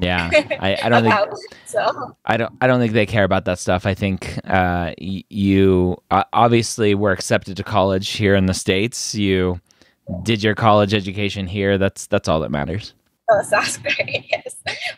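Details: Adult male speaker; normal fluent speech.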